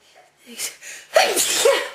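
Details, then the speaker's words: Person with allergy-triggered sneezing (flowers, dust, plants), sometimes with itchy mouth and sore nose: quick inward gasp, then a loud explosive sneeze with a short trailing vocal sound. "over the course of the day sometimes I get really really Sneezy"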